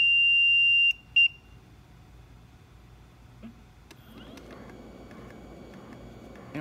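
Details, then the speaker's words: LTV 1200 transport ventilator being switched on while set up on a test lung for NPPV/BiPAP: a steady high beep, a short second beep, then quiet machine running with faint clicks. "okay so let's get it started and turn it on"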